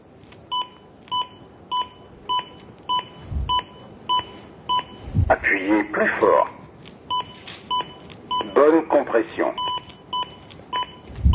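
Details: Zoll AED Plus automated external defibrillator demonstration: steady metronome beeps near 100 a minute with spoken French prompts guiding CPR compressions after analysis; AED voice prompts and CPR metronome beeps.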